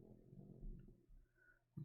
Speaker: But you can hear my dog snoring. Let him know he's cute.